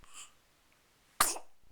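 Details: Newborn boy: a small high-pitched squeak, then one sharp, breathy sneeze burst; sneeze.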